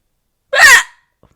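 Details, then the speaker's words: Person with retrograde cricopharyngeus dysfunction (inability to burp), who also has bloating and hiccups, letting the noise out without controlling it: a single brief, loud gurgling croak from the throat; throat gurgle. "Oh, that's me not controlling it. That's me just being like, I don't give a shit. The noise is coming out with it."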